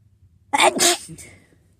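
One abrupt, loud sneeze with a sharp intake and a forceful hissing burst, then quiet.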